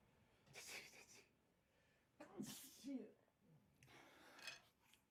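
Several sharp, noisy bursts of breath, each with a quick intake before it: a run of ordinary sneezes.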